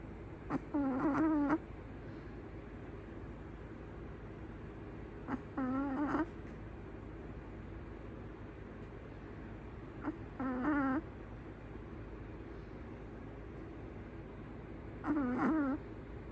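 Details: Chihuahua in deep sleep in owner's arms, raw audio without music: four soft, fluttering snores with faint whistles about every five seconds, roughly 13 breaths a minute; gentle, normal snoring.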